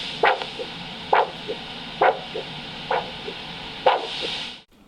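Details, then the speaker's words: Handheld ultrasound Doppler over the brachial artery while taking a Doppler blood pressure: regular alternating whooshing pulse beats with a softer echo after each, about 67 a minute, over steady hiss; normal arterial pulse. "slowly move the Doppler head around until a pulse is heard if you have difficulty locating adjust how far away or how close to the body the ultrasound head is the sound will be similar to an alternating whooshing"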